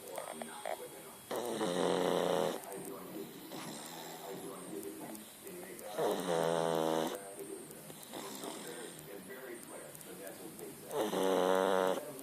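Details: Three buzzing snores about every five seconds, roughly 13 breaths a minute, with quiet breathing between them and faint room noise; snoring.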